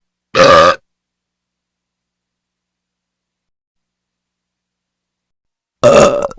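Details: A hyena burping: two loud, short, throaty belches separated by about five seconds of silence.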